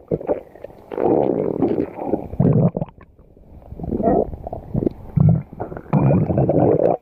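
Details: Gil's stomach heard while listening: loud, irregular gurgling and rumbling from the abdomen in several bursts; ordinary stomach growling, bowel sounds.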